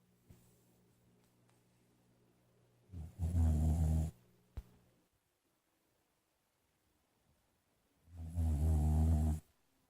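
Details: Two loud, rough, low snoring breaths about five seconds apart, separated by quiet exhalation, from a sleeping Boxer dog; ordinary snoring.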